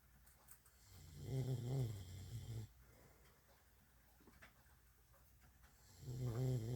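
Low, rumbling snores with quiet gaps between them, two breaths heard: snoring.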